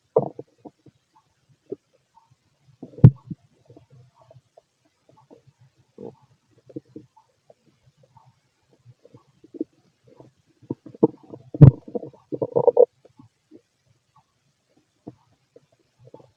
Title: Fit male stomach growling and digesting